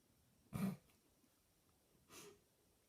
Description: Funny Sneezing puppy!